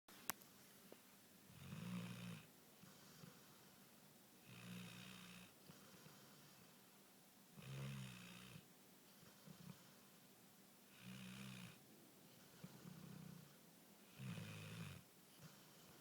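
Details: Steady, rattling snores with each breath, about 19 a minute, separated by quiet pauses during sleep: snoring.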